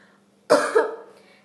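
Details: Single sharp, open cough with a brief second push in a quiet room, demonstrating incorrect cough etiquette under WHO guidance, e.g., not covering the mouth.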